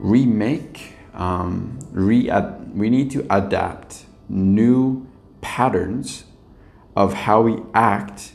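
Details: Stuttering in an adult man with lifelong stuttering that still occurs at times; he reports past blocks and current mild repetitions and prolongations.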